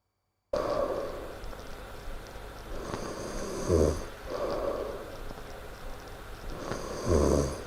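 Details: Loud snoring during sleep: loud, rough, rattling snores on each in-breath, about two breath cycles in seven seconds. Heavy snoring.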